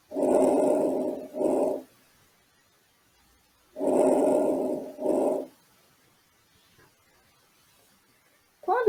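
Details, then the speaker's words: Normal vesicular breath sounds on lung auscultation in a respiratory exam demonstration: two breaths at about 16 a minute, longer louder inhalation flowing into a shorter softer exhalation, soft and gentle compared with bronchial breathing. "é bem whatsapp e suave quando comparada a respiração bronca pode estar um pouco mais aumentado em crianças pessoas magras após um certo esforço ou até mesmo após o respiração ampla com a boca aberta"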